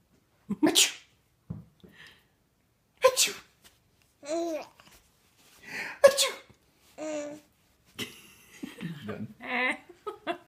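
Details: Young child laughing at someone's sneezes: several abrupt, explosive sneezes, each followed by the child's giggles and babble, in a quiet room; repeated sneezing.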